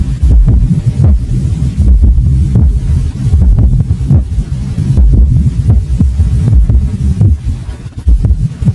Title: S4 Gallop Heart Sound - Tiếng tim T4 - Tiếng ngựa phi nhĩ - Cách nghe